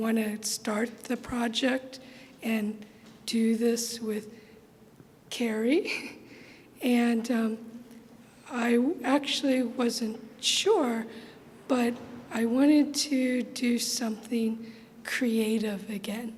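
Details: Adult woman with aphasia resulting from trauma to the brain's language centers, reporting trouble processing information; aphasia.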